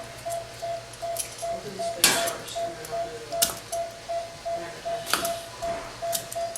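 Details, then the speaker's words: Brief scraping cracks against steady soft background beeping; a dental extractor breaking tartar off a pet's teeth above the gum line during a dental cleaning with a portable dental air unit. "an extractor does several things one it extracts teeth but what it also does is it breaks the tartter off of teeth so you don't D your head of your scaler as you see it breaks it right"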